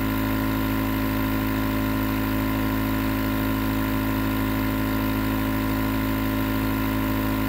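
Steady droning motor hum with a constant buzz, the continuous running sound of a nebulizer compressor.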